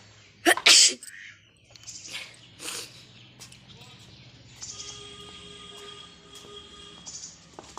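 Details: Sneezing-challenge recording: one loud, sharp sneeze followed by sniffling and breathy noises, faint background music; sneezing.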